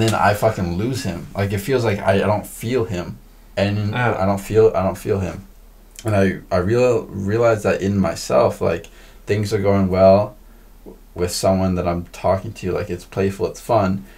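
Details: Adult podcast guest who stutters, in a conversation about stuttering; audible word and part-word repetitions; stuttering.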